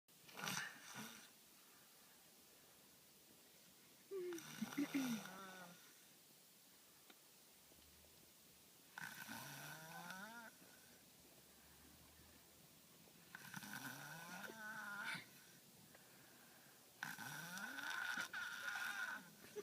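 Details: Snoring from a sleeping 4-year-old in a car, recorded March 2013 in Belgium: soft, rattling, whistling snores every four to five seconds, about 13 breaths a minute, in a quiet car interior.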